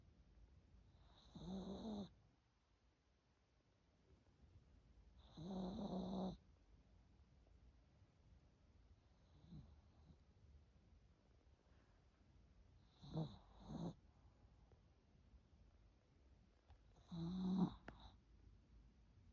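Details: Dog snoring while asleep in a quiet room: soft, low rattling snores, about one every four seconds.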